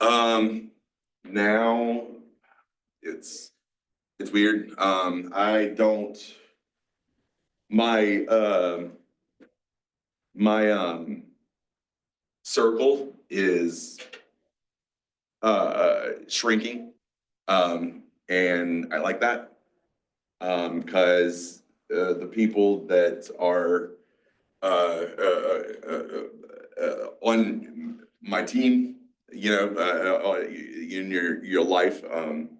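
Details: 47-year-old man with mixed Broca's and Wernicke's aphasia after a massive stroke 6 years ago, with onset in his 40s. He also has strokes and seizures, had to relearn to talk, and still has word-finding blocks. Finding: aphasia (mixed Broca's and Wernicke's).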